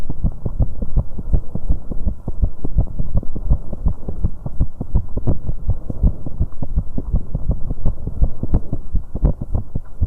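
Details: Exercise heartbeat after an aerobic bike in a 19-year-old female: fast, loud pounding heartbeat around 120 a minute with occasional uneven gaps; rapid heartbeat with premature beats (extrasystoles).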